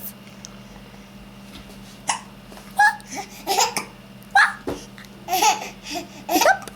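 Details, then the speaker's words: Young boy with hiccups laughing and babbling, broken by short, sudden catches in the breath; hiccups mixed with laughter. "do you have the hiccups? Is it funny?"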